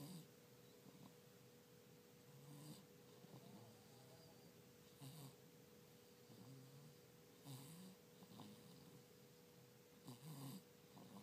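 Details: Light snoring in a person who has a cough and cold: soft, irregular snorting snores every two to three seconds over a steady room hum.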